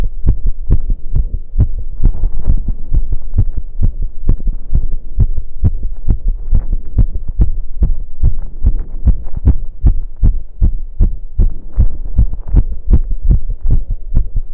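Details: Heartbeat recorded after running: fast, strong, steady beats at roughly 140 a minute over a low hum; rapid heartbeat after exercise.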